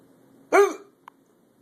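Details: Hiccups recorded in a hotel: a single sudden, voiced gulping hiccup over quiet room noise, followed by a faint click.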